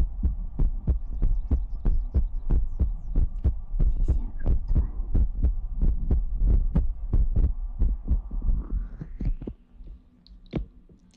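Steady low thumping heartbeat at about 92 beats a minute, fading out at the end, with a soft hum behind it.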